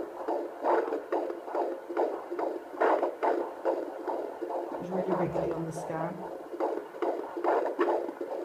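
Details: Fetal heartbeat on Doppler, second pregnancy, first time hearing it: rapid, regular whooshing pulses about 140 a minute, with kick and movement noise heard; normal fetal heartbeat.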